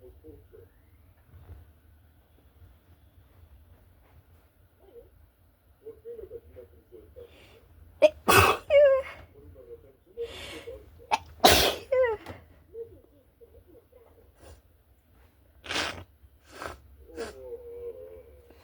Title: Strong Sneezing Girl 🧸🤧